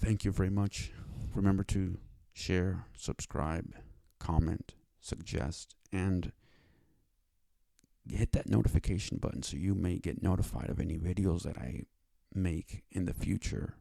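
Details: Dysfluent speech (stuttering) attributed to cerebral palsy in an adult male; has had five years of speech therapy.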